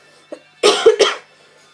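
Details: Adult tickly, irritative cough that needed water to stop: a short run of about three dry, throaty cough bursts.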